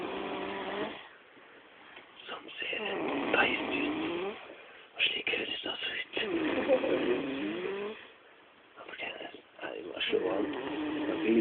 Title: Anonymous Fat Bloke snoring as a mean machine